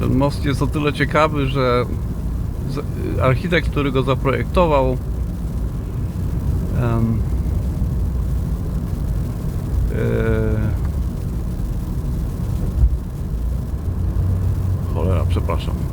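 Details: Self-reported stuttering in a man speaking Polish, with a sentence broken off mid-way and a long pause.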